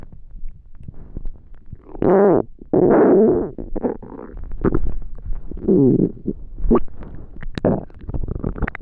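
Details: Extremely hungry stomach: loud gurgling, rumbling growls with drawn-out groaning runs and bubbly pops. Bowel sounds, ordinary hunger stomach growling.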